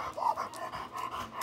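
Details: Inspiratory stridor from laryngeal paralysis in a female Labrador dog; the condition is abnormal opening and closing of the vocal cords, causing breathing trouble in advanced stages.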